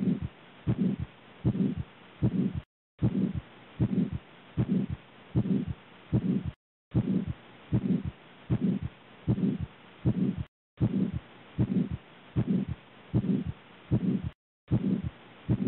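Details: Aortic stenosis heard by stethoscope: regular heartbeat near 77 a minute with a rough whooshing murmur filling the space between beats.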